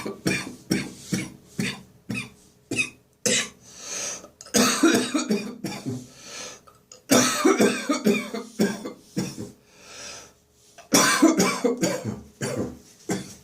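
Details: Dry morning cough lingering after bronchitis, phlegm nearly gone: repeated short, dry, hacking coughs in bursts with brief pauses and throat clearing.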